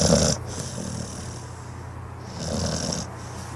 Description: This adorable pit bull snores while he takes a nap on the couch.